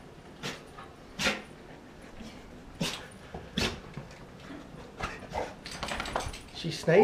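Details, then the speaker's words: A female dog gives a run of short, sharp nasal sneezes when greeting someone, typical of happy, excited sneezing. "sneezing fit me okay okay you're happy sneezing big girl"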